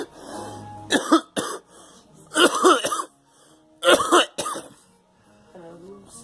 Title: Coughing